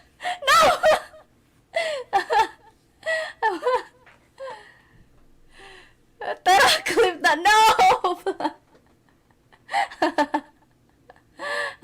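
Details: Sneezing fit during a live stream: repeated sharp catching in-breaths and voiced bursts building into sneezes; sneezing with gasping inhalations.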